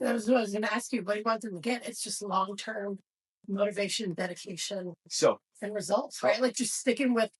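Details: Adult speaker; ordinary speech.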